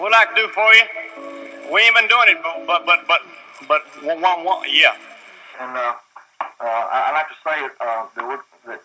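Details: Stuttering in an archival clip of a man who stuttered as a shy boy in high school and said he stuttered when excited, especially on words starting with W or I; the stuttering is clearly audible.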